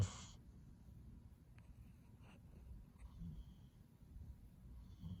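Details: Soft, low rumbling breath noise with faint snorting while peacefully asleep in a quiet room; snoring.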